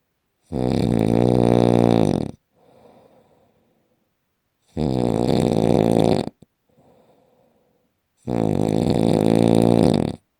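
Very loud, deep, buzzing snores lasting nearly two seconds each, with a soft exhale after each, about every four seconds; heavy snoring.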